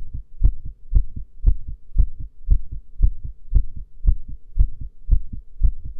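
Steady, strong lub-dub heartbeat at about 115 per minute, regular and clear, recorded during a breath hold.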